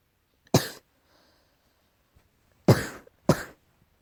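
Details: Cat coughing, tagged as allergy: three short, harsh coughs, one then a pair, with quiet between.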